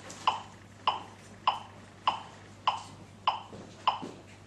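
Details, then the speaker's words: LIFEPAK 15 monitor-defibrillator in semi-automated mode, no shock advised, CPR started on a simulator: regular electronic metronome clicks about 100 a minute pacing chest compressions, with ventilation prompts to follow. "So, it tells you, it has a metronome, and that's for when you're doing compressions, and it will tell you when to ventilate the patient soon."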